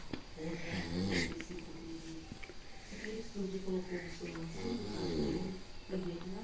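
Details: Snoring from a sleeping person: low, buzzing, voiced snores one after another, with occasional snorting.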